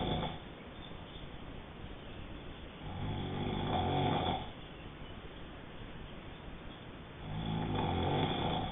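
Two loud, rough, low rumbling snores on the in-breaths, separated by quieter breathing, about 14 breaths a minute; snoring during sleep.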